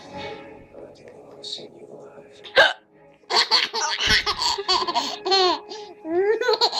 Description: Yes, it's funny when I have hiccup.